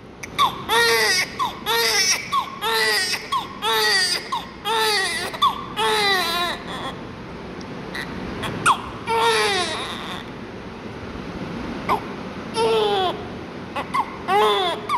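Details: Newborn: repeated loud, high-pitched wails in short bursts with brief pauses between them; a vigorous, normal newborn cry.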